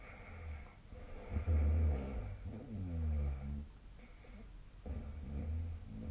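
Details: Snoring during sleep: low, rumbling, fluttering breathing sounds rising and falling over a few seconds.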